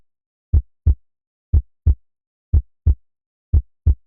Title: Heartbeat, Cinema 4D Sound effector